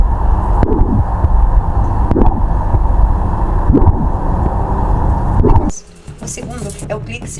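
Steady rushing murmur with faint periodic thumps, a hand-made imitation of a pansystolic murmur.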